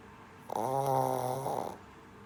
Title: Snoring shih tzu puppy / funny dog videos / cute and adorable puppy